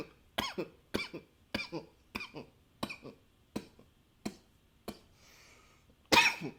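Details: Coughing recorded with a new high-fidelity microphone: a run of about ten sharp, separate coughs in quick succession, ending in a louder burst.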